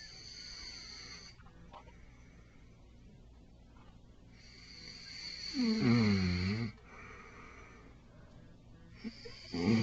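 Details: An adult man asleep in front of the TV, who denies snoring, gives a loud, rattling snore on an in-breath, with another starting at the end, over television noise; snoring.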